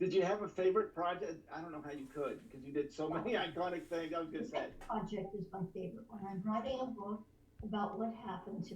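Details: Adults in conversation, likely two speakers in an interview; normal conversational speech.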